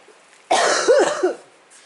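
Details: A single harsh cough burst running into a brief throat-clearing rasp, in a quiet room; cough.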